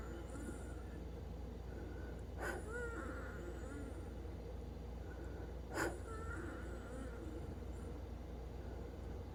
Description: Wheezing sounds again on 4/7/24 sometimes after 5 PM while she's sleeping.